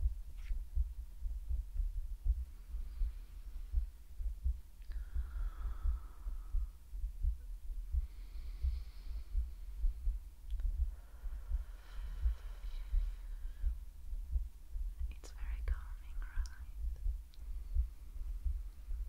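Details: Woman's heartbeat in an ASMR medical roleplay: muffled, steady low thumping at roughly 85 beats a minute under a heavy low hum, with faint breathing, an ordinary heartbeat.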